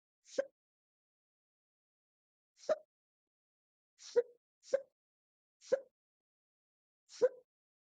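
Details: Induced hiccups filmed from a stomach view: six short, quiet, abrupt hiccups with irregular gaps against near silence.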